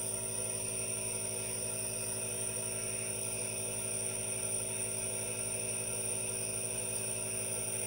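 Steady motor hum with a continuous hiss from a running aerosol nebulizer, unchanging throughout.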